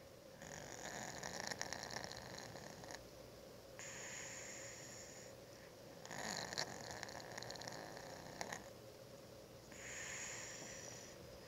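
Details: Cat exhausted after following owner all day, asleep on a desk: soft, airy, whistling snores, about six breaths in ten seconds; harmless snoring, sounds like a human.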